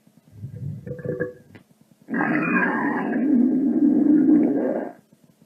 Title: The Best Variety Of Stomach Noise Clips SFX (FREE TO USE) (Cleanest Audio Quality) #soundeffects